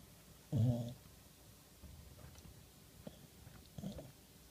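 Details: Male Boxer dog snoring while asleep ("talking in his sleep"): two low, rough snore sounds separated by quiet breathing.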